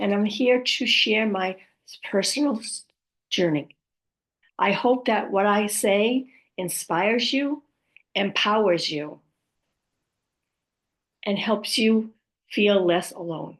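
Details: Woman with aphasia, apraxia of speech and dysarthria following a stroke, who says her speech can sometimes be hard to understand; aphasia with apraxia of speech and dysarthria.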